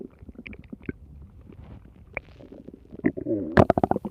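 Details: Gurgling, rumbling bowel sounds with bubbling bursts that build toward the end: ordinary stomach growling.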